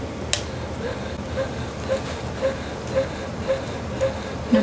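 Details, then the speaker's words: Medela Pump In Style Advanced electric breast pump switched on, automatically in its let-down phase: a motor hum with quick, regular suction pulses, about two per second. "so to turn the pump on you want to turn it to probably to the minimum with this knob and you're going to start to hear it do the quick initial sucks of the let down phase"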